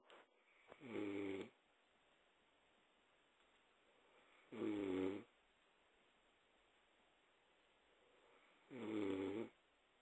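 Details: A Persian cat snoring.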